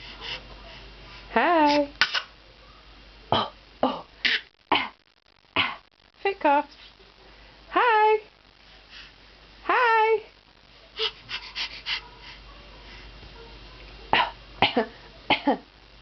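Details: Toddler girl in her crib fake coughing on command: several short, forced cough-like bursts between high, falling voiced sounds; voluntary imitated cough.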